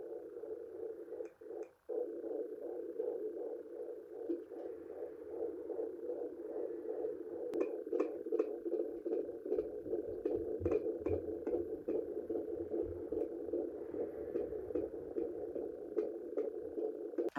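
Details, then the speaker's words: Fetal heartbeat at 11–12 weeks of pregnancy, heard with a home Doppler and gel: steady whooshing hum with rapid faint clicks near 150 a minute, mixed with the mother's slower pulse and placental sounds. "you heard there was two types of noises so obviously there's three heart pieces you should hear one being your own which will just be the same as your heartbeat which is quite slow compared to a baby"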